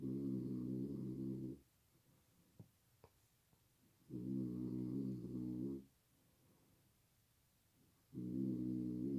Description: I'm a light sleeper, lately snoring too loud and I can't sleep, I wake up with a really bad headache 😫💤🛌💏 😁